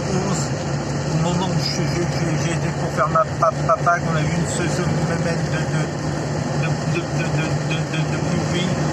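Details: Adult man with stuttering that worsens when he recalls a stressful workplace period around 2004, so words no longer come out; audible repetitions; stuttering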